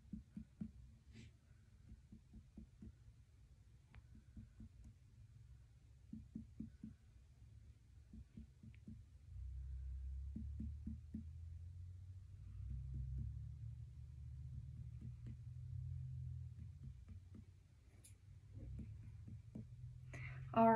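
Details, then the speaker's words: Finger percussion over the abdomen during a normal abdominal assessment: tympanic notes over air and dull notes over organs; normal abdominal percussion. "Next, I am going to percuss your stomach, just listen to what it sounds like."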